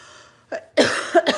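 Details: Adult woman on a livestream: a brief throat-clearing sound followed by a couple of sharp, dry cough bursts.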